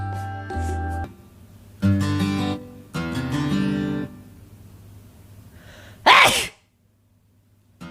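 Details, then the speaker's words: Guitar strumming, then one sharp, forceful sneeze near the end from a streamer who remarks on sneezing a lot today; a single sneeze over background music. "なんか今日くしゃみ多いね。"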